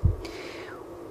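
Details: A single soft low thump through a stethoscope: a simulated Korotkoff sound from a nursing-skills manikin arm during blood pressure practice.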